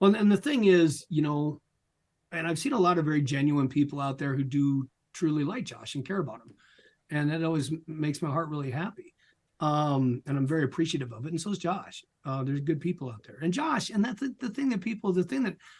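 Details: Adult speaker, interview; ordinary speech.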